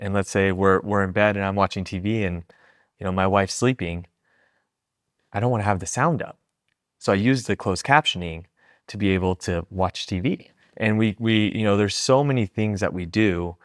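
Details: Adult male speaker; plain speech.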